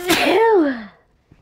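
A single loud voiced sneeze with a falling tone, then quiet; an ordinary sneeze.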